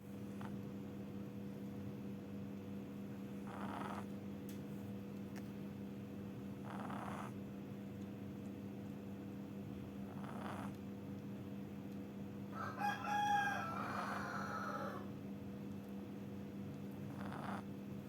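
Soft, rhythmic snoring at about 17 breaths a minute, faint under a steady background hum.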